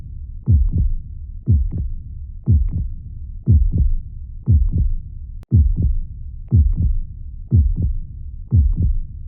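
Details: Steady paired low thumps at about 60 beats a minute in regular rhythm, presented as soothing heart sounds to calm fussy babies: a calm, normal-sounding heartbeat.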